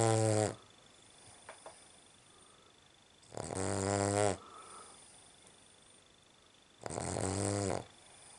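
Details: Cavalier King Charles spaniel (owner says cavs snore badly) recorded sleeping at night, a horrendous snorer: loud, buzzy, drawn-out snores, about three in eight seconds, with quiet pauses between; snoring.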